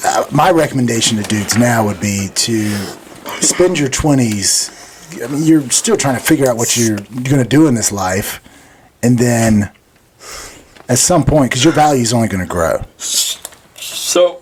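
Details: Adult male speaker; typical speech.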